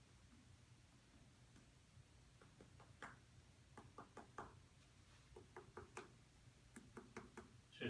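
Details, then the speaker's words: Physical assessment of a patient lying on their back: short hollow finger taps in small groups percussing the abdomen, with dullness expected over liver and spleen; abdominal percussion. "Okay, I'm going to percuss the abdomen."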